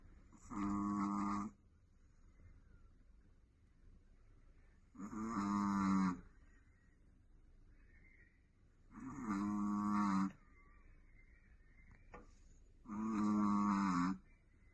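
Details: Sleeping Chihuahua dog, Richie: four long, loud, buzzing snores about every four seconds, roughly 15 breaths a minute, with quiet pauses between: snoring.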